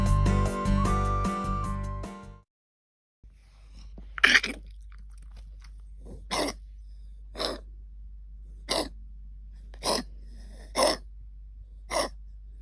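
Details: An English cocker spaniel puppy with kennel cough, since cured, gives about seven short, harsh, hacking coughs in close succession.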